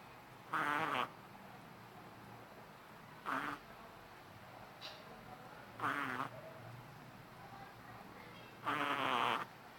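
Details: A 3-month-old Shih Tzu puppy snoring while asleep: four loud, rattling, buzzy snores about every three seconds, roughly 21 a minute, with quiet room noise between them.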